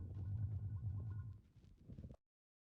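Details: Stomach growling (borborygmi): low rumbling gurgle for about two seconds, fading out.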